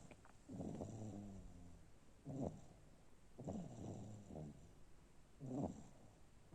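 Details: Sleeping infant snoring: soft, rhythmic snoring sounds with each breath, about 19 a minute.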